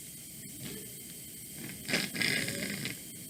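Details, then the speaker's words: Quiet breathing, then a short wet, rattling, crackly burst through a young girl's tracheostomy, placed after jaw distraction: airway secretions. "So you hear that junk? Like all of that is like she needs to be suctioned."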